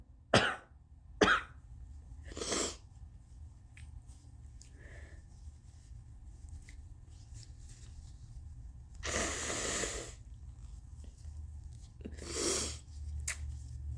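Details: Several irregular explosive bursts, brief coughs and throat-clearing sounds, then two longer forceful sneezes over steady low room noise; they came unexpectedly; cough.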